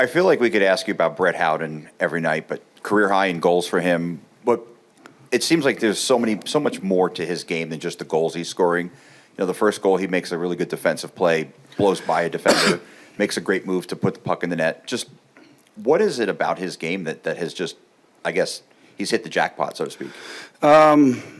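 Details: Adult man speaking; Normal voice.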